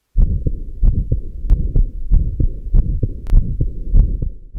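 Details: Combined aortic stenosis and regurgitation: heart sounds at about 95 a minute with a rushing murmur in both systole and diastole.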